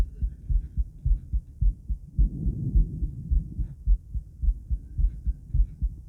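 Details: Female heartbeat recorded after 50 squats, during recovery: regular low lub-dub at about 105 a minute with brief rubbing noise partway through; normal heart sounds, elevated rate after exercise.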